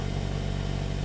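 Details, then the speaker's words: Oxygen concentrator switched on with the on/off button after installation, steady low motor hum with rapid regular compressor pulsing, running normally; donated unit delivering 0–10 LPM adjustable flow. "teman-teman tinggal menekan tombol on off"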